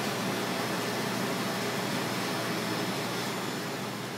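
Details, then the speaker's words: Surgical smoke evacuator running during fractional CO2 laser resurfacing of a 70-year-old woman's face: steady, loud rushing hiss of a vacuum device drawing air continuously. "go okay what is that vacuum this is a vacuum it's this it's called a smoke evacuator uh-huh"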